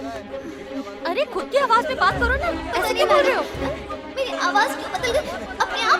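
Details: Adult speaker in a dubbed film scene; ordinary speech.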